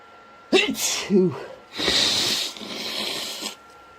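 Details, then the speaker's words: Allergy-triggered sneezing: two forceful sneezes in quick succession, each with a sharp intake and explosive release, followed by congested voice and needing a tissue. "Oh, bless me. Oh, I'm yeah. Oh, I need another tissue. God damn it. Oh, God. There's another one coming."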